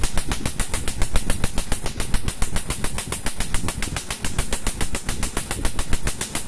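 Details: Rapid, regular snapping pulses, about 210 a minute, over low rumbling room noise: a laser device firing during permanent tattoo removal on a man's needle-made tattoo, typically needing three to four sessions.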